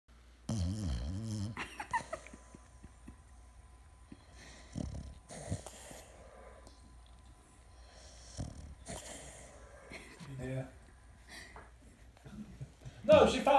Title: Snoring fat mutt